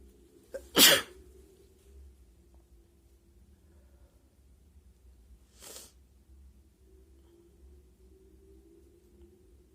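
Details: Hay fever sneezes induced with paper, nose itchy all day: one sharp, explosive sneeze, then a fainter second burst several seconds later, in a quiet room.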